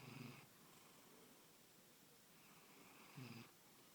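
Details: Snoring in a pet cat, loud enough to hear a room away: two soft, rumbling breath sounds about three seconds apart.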